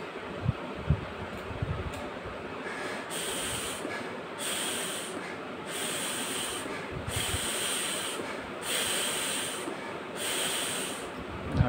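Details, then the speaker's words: Demonstration of a metered-dose inhaler with MACSPACER: one press, then about five inhale-exhale cycles through the spacer, soft hissing breaths with valve flutter; inhaler-spacer breathing technique. "see I will press it once and inhale exhale five times for one less"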